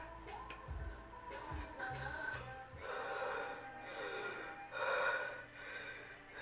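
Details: Prank, simulated asthma attack: girl claiming asthma and pet allergies fakes gasping, effortful breaths, saying she can't breathe, over background music.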